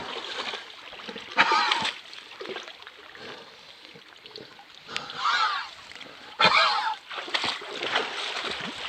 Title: 20200715 Cough